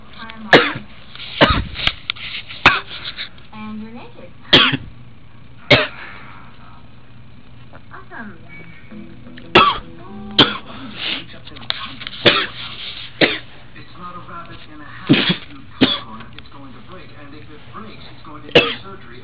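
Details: An adult coughs again and again in sharp bursts, about 13 in 19 seconds, over background music. This is a coughing fit after smoking that lasted about five minutes without stopping.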